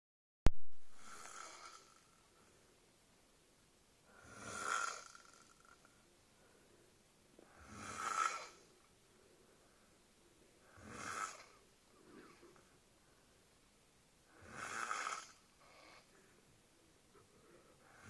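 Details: Snoring, captioned as "chubaka": five slow, rattling breath sounds about every three seconds, regular snoring at roughly 18 breaths a minute.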